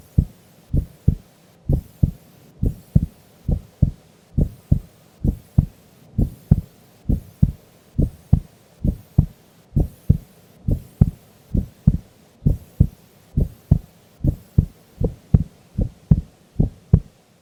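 Steady, deep paired heartbeats at a slow resting rate, about 50 to 60 a minute, with no extra sounds; an ordinary sleeping heartbeat.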